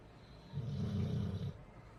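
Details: A sleeping American Bully dog gives one deep, rattling, human-like snore, a single long breath in and then quiet; snoring.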